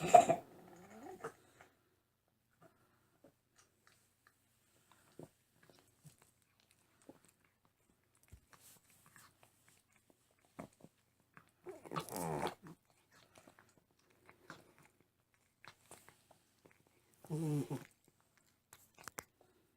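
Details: Cat with a tumor in the back of the throat, breathing worsening: quiet breathing with occasional harsh, rattling noisy breaths from a narrowed upper airway: stertor.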